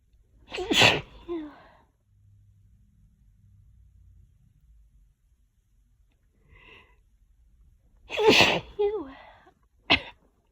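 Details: Allergy sneezing in a fit that lasted about 20 minutes: three forceful sneezes, the first two with a loud voiced follow-through, separated by quiet breathing.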